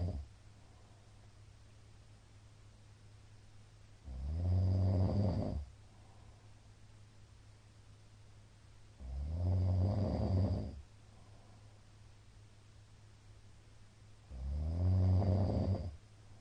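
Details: Middle-aged man snoring very loudly in sleep: three loud, rough, rattling inspiratory snores, about 12 a minute, with quiet pauses between; heavy snoring.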